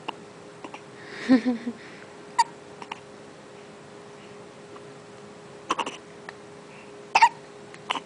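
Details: One-month-old baby boy with hiccups: short, sharp catching sounds recur several times over eight seconds.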